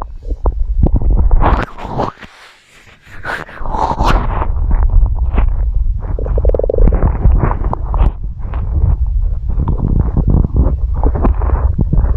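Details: Stomach growling recorded for ASMR: loud, continuous low gurgling and rumbling with bubbling pops, normal gut sounds.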